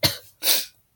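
Two short, harsh, dry-sounding coughs in quick succession from an adult with a common cold.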